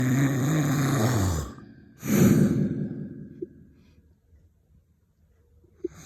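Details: Snoring: a long, low, rumbling breath, then a shorter noisy breath that fades into quiet.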